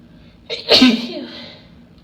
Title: Induced Allergy Sneezes (F)